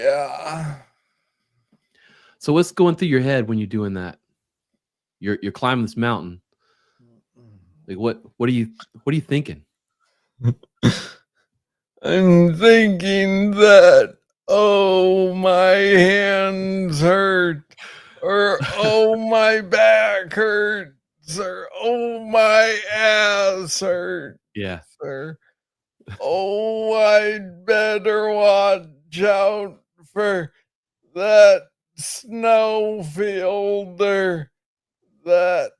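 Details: Adult man diagnosed with Parkinson's disease in 2014 at about age 35, first misread as tennis elbow; described as speaking slowly. Slow speech (Parkinson's disease).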